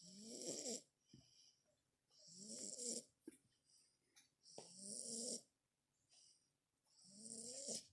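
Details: Snoring: four high, whistling snores at roughly 25 breaths a minute, with soft snuffles between them.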